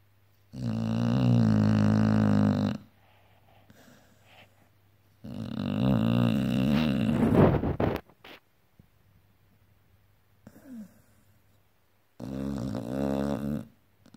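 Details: Pitbull dog snoring while asleep: three loud, rough, rumbling breath sounds separated by quiet pauses.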